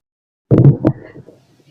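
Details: Male's stomach growling heard through a stethoscope: one brief low gurgling rumble; ordinary bowel sounds (borborygmi).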